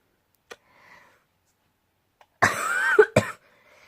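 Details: Adult who has been very ill and in bed all day: a couple of harsh, loud coughs after near silence, with a brief throaty catch between them, cough during illness.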